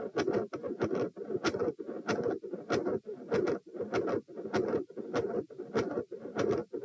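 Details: Mid-systolic murmur recorded at position P that changes as the patient moves from supine to standing; heart rate rises from 78 to 102 bpm. The rough murmur fills much of each cycle.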